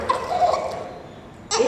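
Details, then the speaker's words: Infant with laryngomalacia (short aryepiglottic folds, redundant arytenoids collapsing into the airway): harsh, fluttering, high-pitched noisy breaths of inspiratory stridor. "gord malas en realidad es la causa de estridor más importante y más común que aparece en elci fí que 45 7% los estores son laringomalasia"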